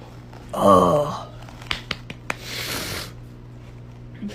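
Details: Woman (Melissa) deep, voiced belch about half a second, then clicks and rustling; she says she holds burps in to record them; burping.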